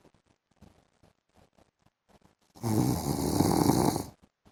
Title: PART 1 MY HUSBAND'S SNORING SOUND IN THE AFTERNOON